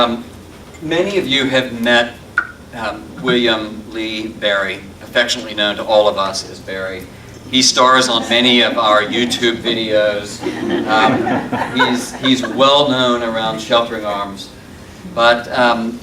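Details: Adult male speaker; typical speech.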